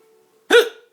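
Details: Person with two broken ribs: a single sudden, sharp voiced hiccup breaking a quiet pause amid repeated groans; hiccup.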